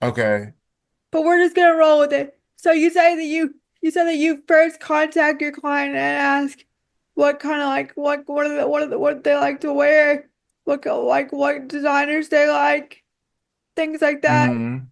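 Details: Woman with quadriplegic cerebral palsy affecting her whole body, whose affected speech leads viewers to ask if she is crying; dysarthria (cerebral palsy).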